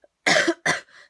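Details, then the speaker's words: Adult woman with a lingering cough she can't get rid of and a croaky voice gives two short, loud cough bursts, each with a brief fading tail: cough. "that um I can't Zo get rid of so if I sound a little bit croaky that's why and also that I will keep coughing"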